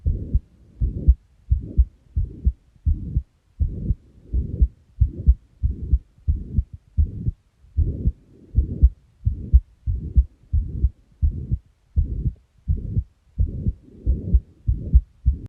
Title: | Heart Murmur 2 |